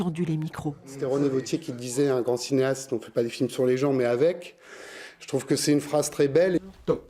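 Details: Adult man speaking French; normal speech.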